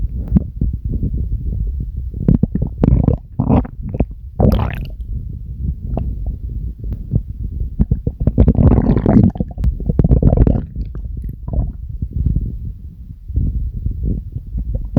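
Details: Stomach growling produced on command: loud, prolonged low gurgling and rumbling from the abdomen; normal bowel sounds.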